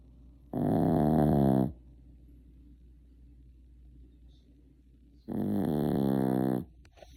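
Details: A sleeping cat snoring: two long, rough, buzzing snores separated by several seconds of quiet breathing.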